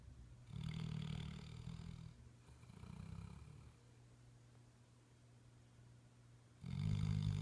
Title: Snoring lab..... Henry had a good day !!